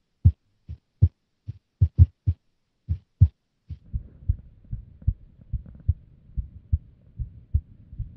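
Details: Female's unstable resting heartbeat: low thumps with uneven spacing and varying strength, some beats early or paired; irregular heartbeat.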